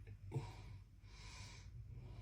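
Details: Big Mastiff dog sleeping: a low rumbling snort on an inhaled breath, followed by a softer exhaled hiss. Snoring.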